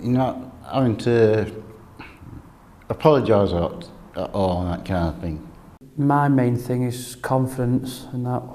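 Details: Adult who stammers; stuttering (stammering).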